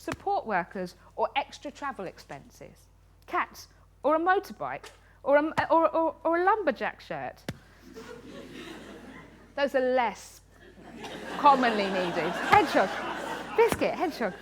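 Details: Woman with Tourette syndrome, a neurological condition causing involuntary movements and noises; frequent vocal tics include "biscuit" (up to 16,000 times a day), "hedgehog" and "cat"; also has coprolalia. Finding: Tourette syndrome vocal tics.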